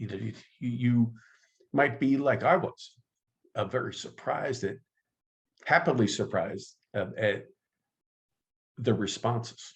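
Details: Stuttering in an adult man who identifies as a person who stutters and has been active in the stuttering support community for over 25 years.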